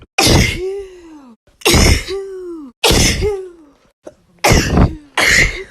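Five loud explosive bursts in quick succession, several trailing into a falling voiced tail; repeated sneezes.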